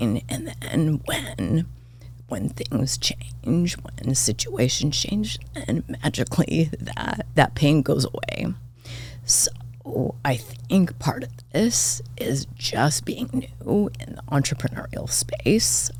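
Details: Adult woman diagnosed this year with spasmodic dysphonia; vocal cord spasms make her voice cut in and out, sometimes hoarse; she attributes it partly to voice overuse as a podcast host and to stress; real, occurring during interview; spasmodic dysphonia.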